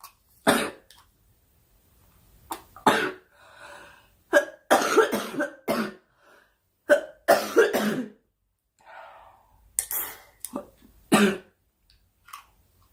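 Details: Girl coughing during a live stream, wishing aloud for the cough to stop: a dozen or so short coughs in clusters, mixed with throat clearing and soft breaths between bouts; cough.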